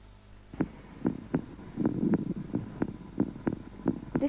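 Regular paired heart thumps through a homemade digital stethoscope, about 85 beats a minute, over a low hum.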